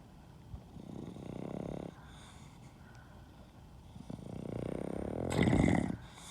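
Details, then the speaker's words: Dog fallen asleep on the owner's hand: soft, fluttering, rumbling breaths that swell louder on each breath; dog snoring. "fell asleep on my hand. Snoring away."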